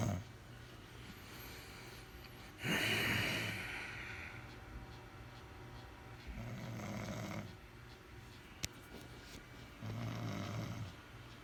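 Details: Adult woman snoring in her sleep at night, reportedly every night and loud enough to wake the household: three loud, rough snores over about eleven seconds with a faint click between them.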